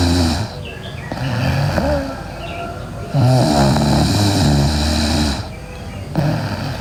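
Loud, rattling snores with each breath in, separated by quieter breaths out; heavy snoring in sleep.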